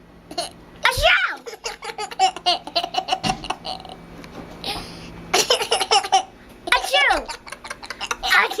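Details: Several sharp, forced fake sneezes (imitated, not real), each followed by laughter and chatter from an amused listener.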